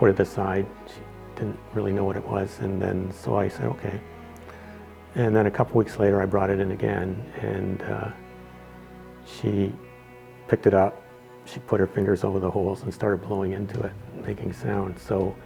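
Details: Adult man speaking; ordinary speech.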